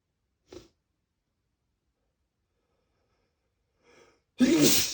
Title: Spray Sneezes II (M)